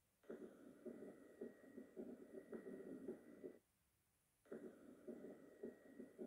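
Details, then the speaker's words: Bell at the mitral area, patient supine or left lateral decubitus. Rapid heart sounds in clustered groups of four, with added S3 and S4 beside S1 and S2: quadruple gallop. "but a galloped rhythm contains another two sounds s3 and s4 the presence of both o"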